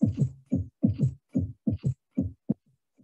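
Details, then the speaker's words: Third heart sound (S3 gallop): low heart sounds in a three-beat gallop rhythm at about 73 a minute, with S3 following S2 like the cadence of "Ken-tuc-ky." "okay so here uh you pro most of you might have noticed it goes with the cadence of the word like kentucky so now if you hear it it's like kentucky it goes that way it's easy to remember that way"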